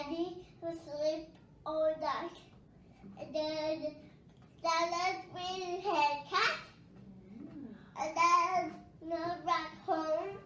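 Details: Young girl with a genetic condition: childhood dysarthria with fluctuating muscle tone and difficulty controlling the speech muscles, plus apraxic errors that reduce intelligibility.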